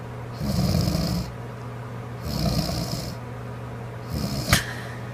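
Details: A sleeping woman (girlfriend): rough, rattling breaths about every two seconds, with a low steady hum in the room; snoring.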